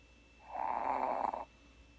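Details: One single rattling snore lasting about a second, heard against a quiet room.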